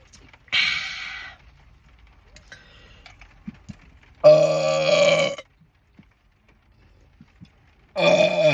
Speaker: Wow, that was that rumbled my groin. The groin rumbler.